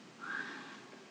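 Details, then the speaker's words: Harsh, high-pitched inspiratory stridor in a calm, non-crying child during IMCI cough and difficult-breathing assessment, indicating narrowing of the larynx, trachea or epiglottis. "سترايدر صوت في النفس الداخل inspiratory sound. بصوا harsh sound during inspiration والطفل هادي مش بيعيط لان احيانا في اطفال لما بتعيط بتطلع صوت الصفارة ده الاهل يقولك بيصفر."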